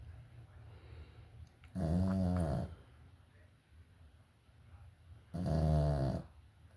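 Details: A sleeping pet dog named Mel snoring: two loud, rough, rattling snores with quiet breathing between them, in a small room.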